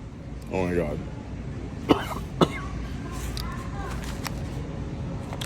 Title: SEASONING PLUS SNEEZE ATTACK 🧂🤧 #spices #groceryshopping